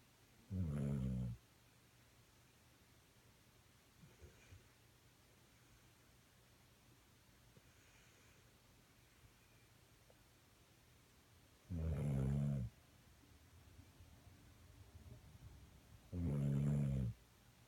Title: Dog snoring - K9 Buster